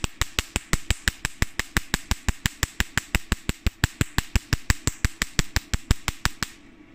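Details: Test firing of a portable Nd:YAG tattoo-removal laser at a black paper target standing in for a black tattoo: sharp, regular snapping clicks at about 87 per minute, then stopping.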